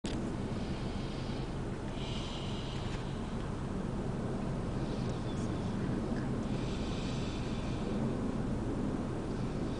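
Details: Adult passed out asleep in a car, snoring: soft, rough snoring breaths recurring against steady car and road noise.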